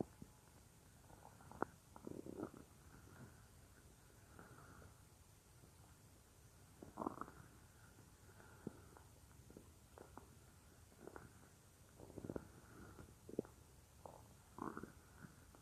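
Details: Real stomach growling of a female creator, recorded as roleplay audio of lying on her stomach: faint scattered gurgles and squelches over steady background hiss, normal borborygmi.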